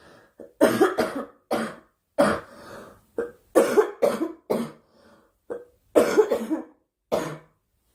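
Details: Girl coughing: about a dozen short, sharp, dry-sounding cough bursts in quick clusters with brief pauses; cough.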